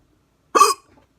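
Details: Hard hiccups, recorded with the camera focused on the neck: a single sharp, abrupt hiccup, a sudden gulping catch of breath cut off quickly, in a quiet room.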